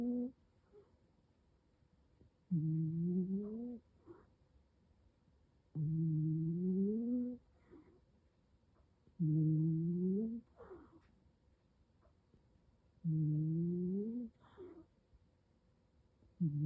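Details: Female cat snoring while asleep; regular, tonal snores with rising pitch, about 17 breaths a minute: cat snoring.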